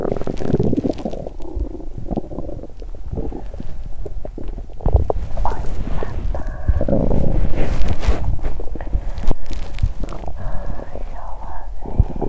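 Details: Abdomen of a person who exercised on an empty stomach and then felt nauseous: bowel sounds.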